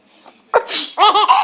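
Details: A brief sharp sneeze burst followed by a baby's laughter, the infant laughing at the sneeze; sneeze.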